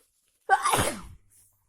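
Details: Big sneeze, possibly from someone with a cold: a short intake, then an explosive noisy burst that fades within about a second; sneeze.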